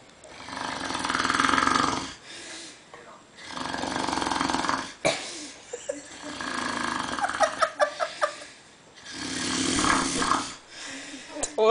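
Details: Adult man snoring, referred to a sleep study clinic: loud, rough snores every few seconds with sputtering, fluttery out-breaths between them, about four snore cycles.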